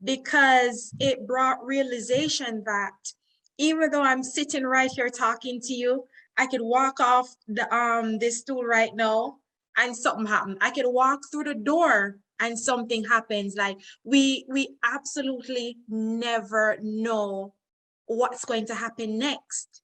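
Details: Adult woman speaking; normal speech.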